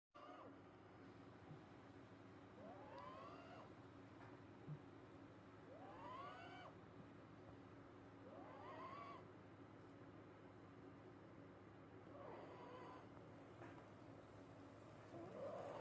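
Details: Sleeping Yorkie with her eyes open snores with high, whistling squeaks about every three seconds over a steady hum: snoring.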